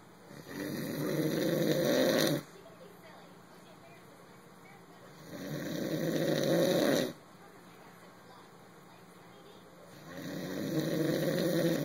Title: snore factory